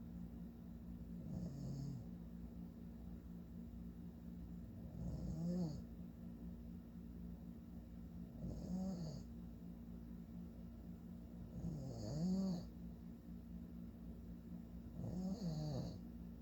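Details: Father snoring in sleep: rough, rattling snores on each in-breath about every 3.5 seconds, roughly 17 a minute, over steady room hum; ordinary snoring.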